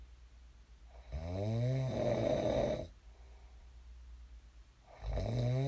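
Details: Snoring ASMR recording of a sleeping man: two loud, rattling snores on breathing in, separated by a quiet pause. Snoring.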